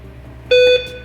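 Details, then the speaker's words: Routine anesthesia monitor beep, a single clear quarter-second electronic tone over quiet room hum, from veterinary monitoring equipment (ECG, pulse oximeter, blood pressure) used during cat or dog dental cleaning under general anesthesia. "I know it beeps a lot so I didn't want to turn it on right away but it's it's going to tell us exactly how the patient's doing"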